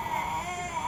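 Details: A brief, high-pitched tonal wail with faint room noise from an infant, reportedly ten months old, with cleft lip and palate present since birth, operated on the same day; an infant cry.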